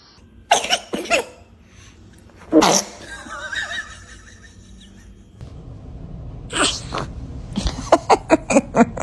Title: Babies are just too adorable when they sneeze.#baby #cute#cutechild#sneeze #funny